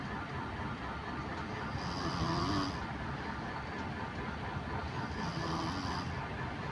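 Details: Young girl napping in the daytime: soft, rough snores, two on the inward breath, over a steady background hum; snoring.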